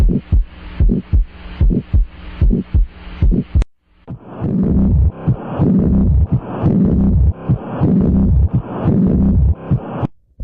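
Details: Teaching demonstration of heart sounds: regular lub-dub S1 and S2 at about 74 a minute, followed by louder beats with a whooshing murmur between them.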